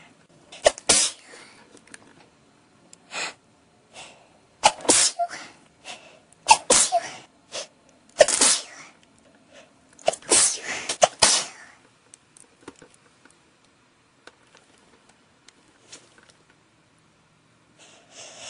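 An adult sneezes forcefully about eight times in quick succession, a prolonged sneezing fit.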